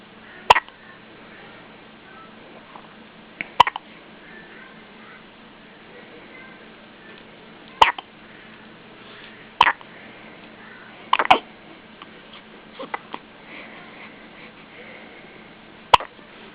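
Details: Baby with hiccups: repeated abrupt hiccup jolts, about six in sixteen seconds, irregularly spaced, with faint background sounds.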